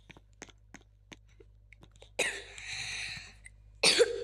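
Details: A child gives two harsh coughs after a stretch of soft clicks and faint taps while playing a game; the child says their voice is hoarse because of the cough.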